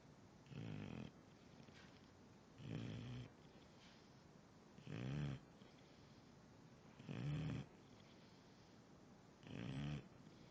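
Regular low rumbling snores, five in about ten seconds, roughly 26 breaths a minute, with quiet pauses between them.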